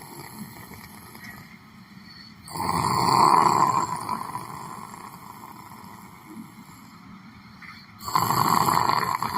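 Loud, rough snoring bursts on breathing in, two clear snores about five seconds apart, over quiet room noise.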